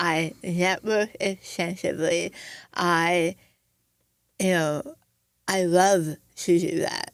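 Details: Adult woman after stage 4 tongue cancer, with over half her tongue removed and reconstructed with an arm skin flap, followed by chemotherapy, radiation and speech therapy; her voice changed; articulation changes after partial glossectomy.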